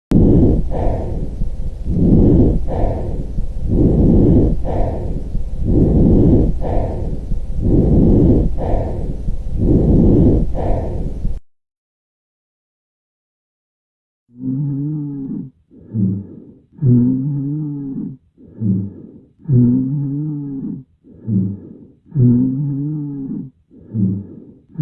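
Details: Normal vesicular breath sounds in an educational demonstration: soft, rustling breath sounds repeating in steady cycles over the lungs.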